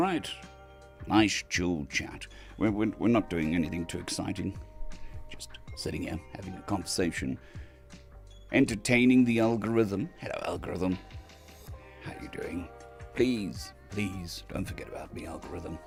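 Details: Adult male recovering from vocal cord surgery, with the cords mostly healed but having lost strength and stamina, and physiotherapy currently pushing the voice; dysphonia after vocal cord surgery.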